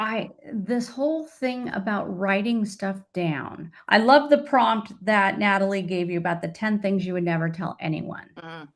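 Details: Adult woman speaking; Normal speech.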